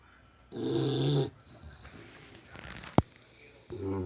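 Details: Snoring: two loud, rattling snore breaths with softer noise and a brief click between them.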